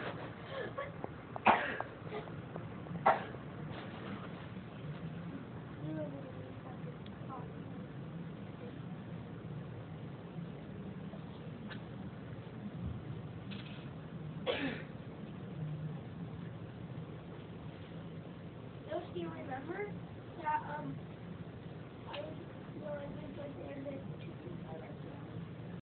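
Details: Child, the poster's little brother, who keeps coughing: a few short, sharp coughs and throat-clearing sounds spaced out over a steady background hum.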